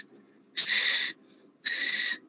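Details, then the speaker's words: Vocal imitation of wheeze by a teacher in a respiratory examination practical session: two breathy, whistling hisses then a brief voiced note, illustrating an added lung sound heard without a stethoscope (called rhonchi when heard with one). "هذا اذا هو نفسه الرونكاي اللي نقول عليها رونكاي بالرئه رونكاي او صوت لاحظ نسمعها بدون سماعه هذا نسميه ويز"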